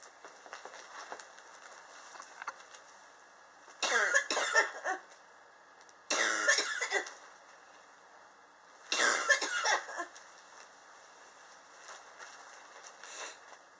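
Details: Chronic cough recorded July 2018 in a person coughing since summer 2016, which they attribute to extreme temperature changes in their apartment: three bouts of harsh, dry coughing in a quiet room, each a short burst of several coughs.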